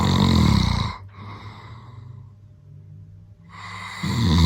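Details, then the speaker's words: Adult man (a father) snoring very loudly during sleep at night: deep, rattling snores separated by quieter breaths; heavy snoring. "Sarah thinks that we need to build in the soundproof isolation chamber because of how loud a snoring is"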